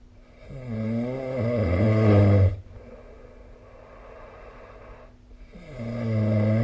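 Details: Snoring recorded with the SnoreLab phone app during sleep: loud, low rattling snores on the in-breath, separated by quieter breathing out.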